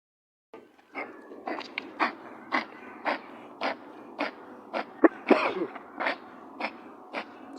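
A run of about fourteen short, dry, hacking bursts in steady rhythm, a cat's coughing fit.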